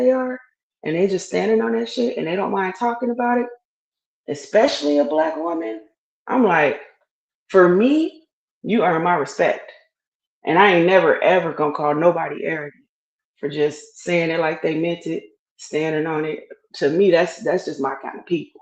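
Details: Adult speaker; Normal voice.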